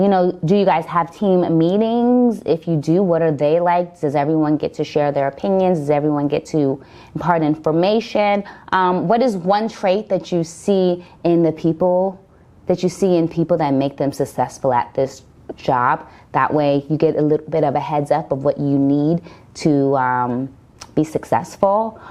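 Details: Adult woman speaking; stuttering.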